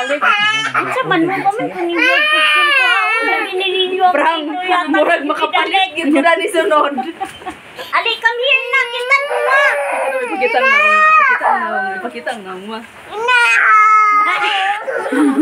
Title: Baby is crying because of me.🤭